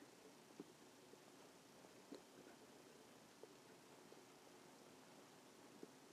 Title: stomach growling 1